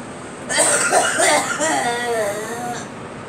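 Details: Girl coughing: a short run of three or four voiced, harsh coughs ending in a drawn-out vocal sound.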